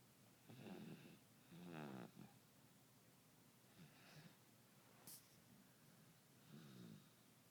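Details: Baby boy snoring while sleeping, recorded close up with an alarm in the background: soft snuffling, partly gurgly snores with quiet breathing between them.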